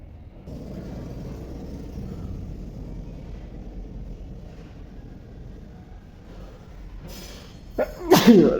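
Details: Morning sneezing attributed to allergy: low steady room noise, then near the end a quick intake and a sharp, explosive sneeze; sneezing.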